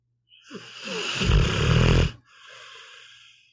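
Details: Sleeping pitbull snoring, recorded as audio only: a single deep, rumbling snore on inhalation followed by a softer airy exhale.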